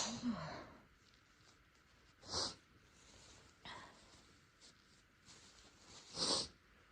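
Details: Two sharp, hissing sneezes a few seconds apart, with soft breaths and sniffs between, deliberately induced in a person without allergies whose nose seemed sensitive after spicy food; sneezing.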